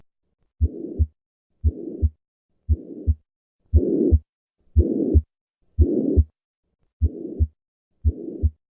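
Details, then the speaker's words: Tricuspid regurgitation at the lower left sternal border: regular heartbeat near 58 a minute. After three normal beats, a blowing murmur fills the whole of systole and grows louder with inspiration over several beats. "this murmur is heard at the lower left sternal border as with most right-sided lesions this murmur increases during inspiration notice the respiratory variation of this murmur"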